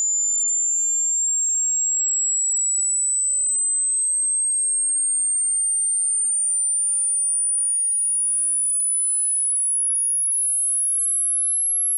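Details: A thin, very high-pitched pure tone gliding slowly and steadily upward, part of a 20 Hz to 20,000 Hz hearing frequency sweep used for tinnitus pitch matching.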